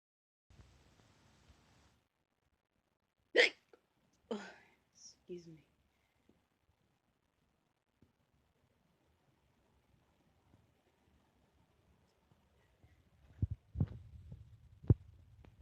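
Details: A person's loud hiccup: a sudden short sharp hic, then a few softer voiced bursts, quiet rustling and taps as a pet rabbit startles and jumps away.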